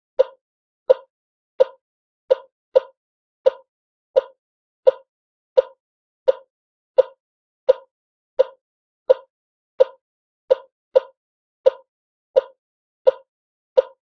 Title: Infant ekg Heart Monitor - Sound Effect | Free Download HD